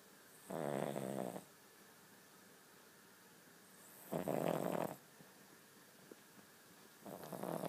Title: King Charles Spaniel Snoring